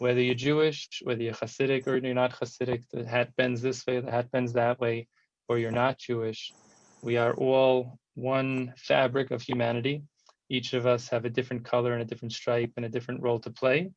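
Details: Adult male speech; normal speech.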